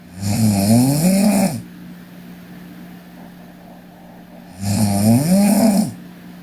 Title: Sleeping Korean Girl Snoring (PNGK) Part 1